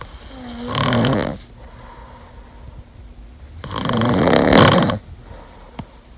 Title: #1 Way To Stop Snoring FAST!!